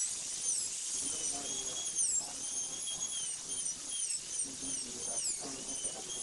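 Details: High-pitched whine rising and dipping as a diamond bur smooths and sharpens the preparation edges of a maxillary incisor prepared for a PFM crown; dental drill.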